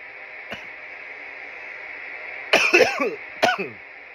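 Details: Irritant coughing fit after smoking from a bong: a faint early cough, then a quick cluster of three harsh coughs over steady room hum.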